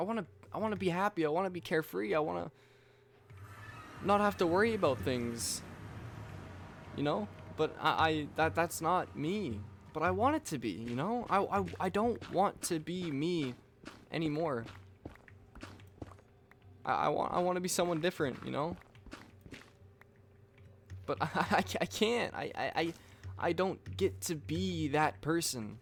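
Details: Stuttering in a man who reports stuttering his words and repeating the same things over and over.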